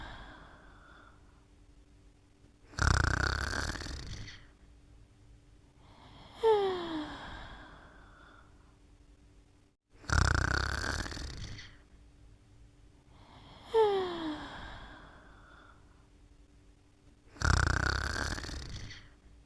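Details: Rough, rattling snores on each breath in, with whistling sounds in between, about 16 breaths a minute; sleep snoring.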